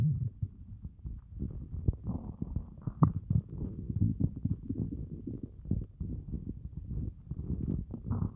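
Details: Stomach growling after fasting well over 24 hours (30+ hour fast), very hungry: low, irregular gurgling and rumbling bowel sounds throughout; hunger borborygmi.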